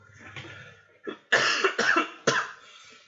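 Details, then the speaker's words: Adult who says they are sick gives a few harsh, throaty coughs in a quick cluster; coughing and sniffling occur during talking. "Excuse me, I'm so sick, so you can hear coughing and sniffling from time to time, so I do apologize."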